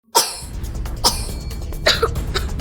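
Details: Three short, harsh adult coughs about a second apart over a low background hum; an acted cough from a cough syrup TV commercial.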